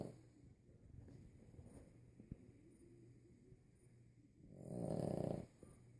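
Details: 25-pound Boston terrier snoring while asleep: noisy rattling breathing ending in one loud, rough snore.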